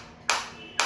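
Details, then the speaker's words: Focused (not radial) shockwave therapy device for sports injury and post-surgical rehab switched from manual to automatic firing mode: two sharp loud cracking snaps about half a second apart, each with a brief ringing tail. "तो ये manual section है और ये automatic section है। जैसे ही मैंने start किया ये आपको ऑटोमेटिक"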